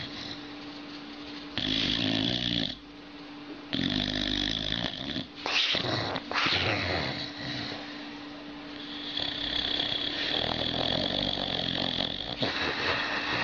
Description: this dog makes satanic snoring noises when asleep...